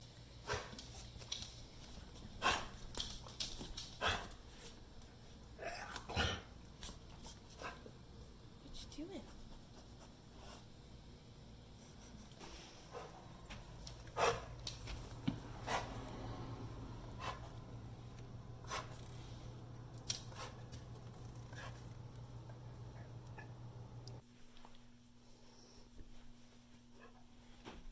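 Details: Dog with cough and labored breathing: scattered harsh coughing bursts between noisy, effortful breaths over a steady room hum.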